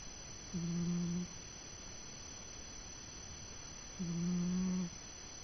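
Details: Old cat snoring during sleep: two soft, low humming snores about three seconds apart in a quiet room.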